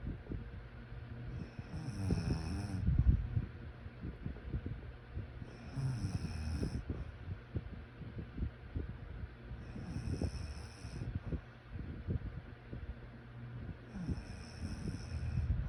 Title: Sleep snoring sounds